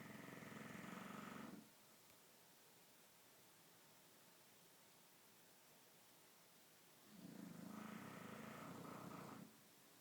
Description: Snoring bulldog